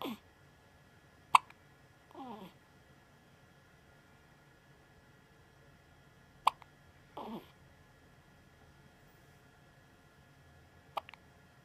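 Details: Three sharp, soft hiccups about five seconds apart from a 1-week-old newborn baby, with faint squeaky breaths between, over quiet room hum; newborn hiccups.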